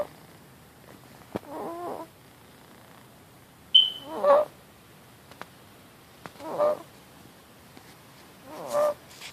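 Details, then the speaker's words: Infant aged four and a half months: high, musical, crowing noise on each inhale, which the parent thinks is stridor. Slight retractions are visible, but there are no other signs of respiratory distress. "this is medicine at four and a half months with the noisy breathing i think it's stridor"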